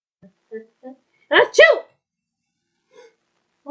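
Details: Two quick voiced sneezes after a few soft lead-in gasps, simulated in a female cartoon character's voiced performance; sneezing from a cold after being chilled.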